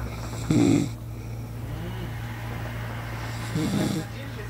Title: Tidur ngorok.mp4